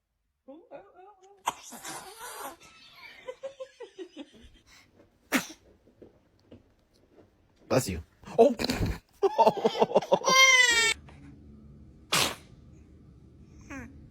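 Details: Compilation of babies sneezing: several small, sharp sneezes from babies, with adult laughter, "bless you" and soft music in between; ordinary infant sneezing.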